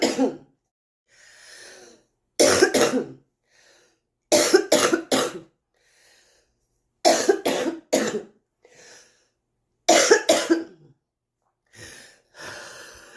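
An adult coughs in repeated harsh bouts of about three coughs each, with noisy breaths between, fitting a smoker's cough.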